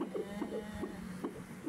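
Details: Home Doppler search for an IVF baby's fetal heartbeat, hard to find; rapid, regular whooshing beats about 143 per minute over steady hum.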